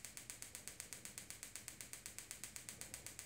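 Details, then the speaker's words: Extracorporeal focused shockwave (Gymna Shockmaster 300, 15mm focused head, 3 bar, 2000 shocks at 8 Hz, ultrasound gel) to plantar fascia attachment on calcaneus for proximal plantar fasciitis/heel spur: rapid, evenly spaced sharp clicking about eight per second; shockwave device firing. "keep keep applying the shocks to the same area until all 2,000 shocks have been applied"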